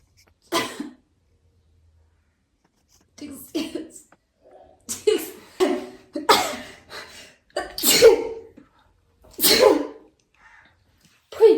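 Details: Girls given a Covid-19 nasal swab test: a string of sharp, forceful sneezes in quick bursts, triggered by the nasal swab; induced sneezing.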